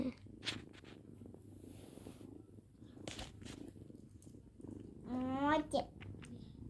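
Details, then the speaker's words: Pet cat Mochi gives a soft, continuous low rumbling purr with a brief meow near the end; cat purring. "suara gitu. Ya, itu suara Mochi. Halo, dengkur."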